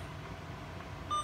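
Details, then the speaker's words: Alaris infusion pump demonstration, set to 5 ml: after the infusion-complete alarm, the pump is switched off, giving a single short steady beep against quiet room hum. "switch off like that so it will alarm so you will know that the infusion has been finished"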